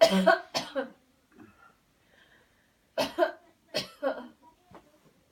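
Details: Demonstration of a deliberate cleansing-healing coughing technique: two clusters of short, forceful coughs with soft breaths between, as in intentional airway-clearance coughing.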